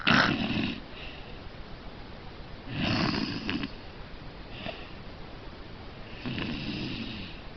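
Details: Rough, rattling breaths recurring roughly every three seconds, louder on some breaths, from a sleeping cat; snoring.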